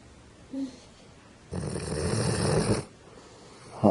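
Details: Sleeping female dog snoring, said to snore often: a soft snort, then one long, loud, rattling snore on the breath, then quiet.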